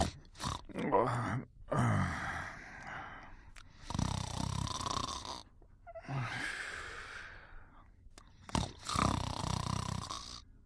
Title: Einstein Sleeping and Snoring in 1 Minute & 15 seconds